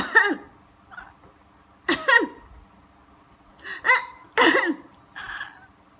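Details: Human cough that a cat reacts to angrily: four short, harsh cough bursts separated by quiet pauses.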